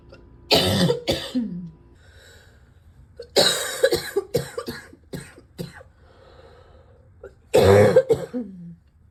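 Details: Morning deep coughs on waking: three bouts of deep, harsh adult coughing, several coughs each, with quiet breathing pauses between.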